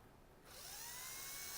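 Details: Dental prophy handpiece starting with a rising whine then running at a steady high hum, ready to polish a child patient's teeth with toothpaste during cleaning.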